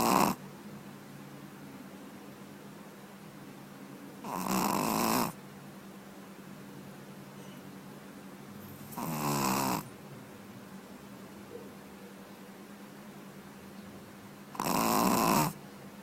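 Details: Snoring from a sleeping puppy: regular rough snores, about 12 a minute, with quiet room hum between them.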